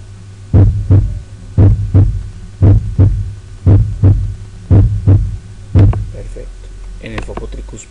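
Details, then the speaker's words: Normal heart sounds, regular paired lub-dub at about 58 a minute, auscultated starting at the mitral area; first sound from atrioventricular valve closure, shorter higher-pitched second sound. "Tum tumta tumta tum ta. El tum, tum es el primer ruido [Música] cardíaco."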